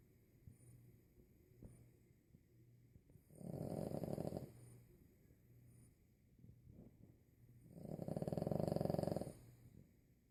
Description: My 25 pound Boston terrier snores louder than a grown man!